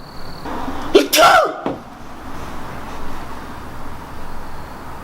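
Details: Single loud, explosive sneeze with a short intake before it, then quiet room noise.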